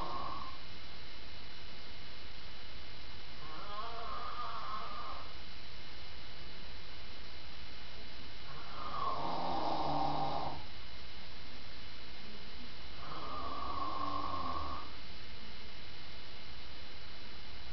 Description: my dad snoring